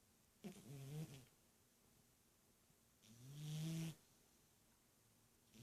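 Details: Sleeping cat said to snore like an old man: two soft, low, rattling snores a few seconds apart in a quiet room.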